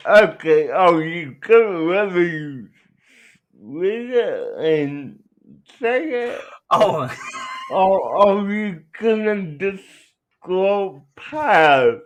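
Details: Adult man with cerebral palsy, real patient answering interview questions; dysarthria.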